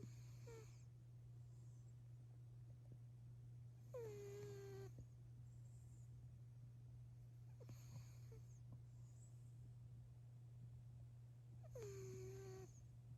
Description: One minute close-up of an orange cat sleeping and snoring.